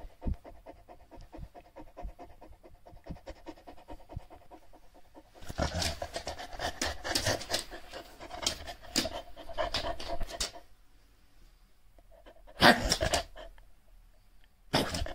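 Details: Shar Pei dog panting: rapid, rhythmic panting growing louder midway, with a few sharp breathy bursts toward the end.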